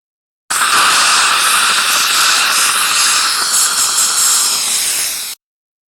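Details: Dental saliva ejector suction (sound effect): a steady, loud, airy hiss lasting about five seconds, then stopping abruptly.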